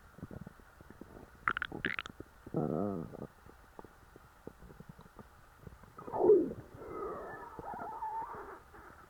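Gurgling, bubbling rumbles and squeaky gurgles from the belly after a large meal; ordinary stomach growling from digestion.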